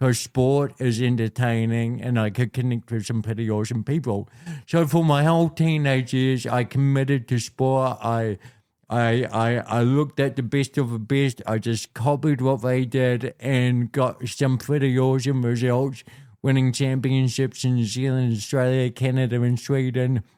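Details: Adult man born with cerebral palsy, a congenital physical disability affecting how messages travel around his body, with walking and talking named as his biggest challenges; dysarthria (cerebral palsy).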